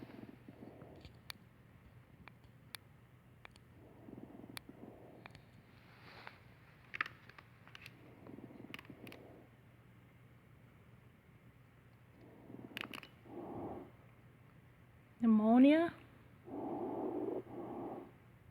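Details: Crackles of community-acquired pneumonia in simulated lung sounds recorded on a mannequin.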